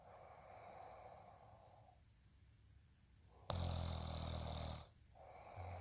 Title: day in life snoring asmr sound 230